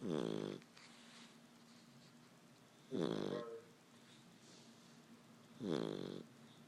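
Short, buzzing snores from a sleeping puppy about every three seconds, roughly 20 a minute, with quiet breathing between; ordinary puppy snoring.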